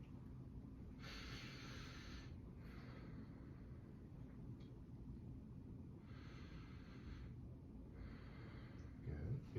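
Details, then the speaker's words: Simulated patient, postoperative exercise demonstration: stethoscope auscultation over scrubs during deep breaths, three slow, soft breath sounds with a low rumble; normal breath sounds, lungs clear to auscultation bilaterally. "excellent long sounds clear to auscultation bilaterally"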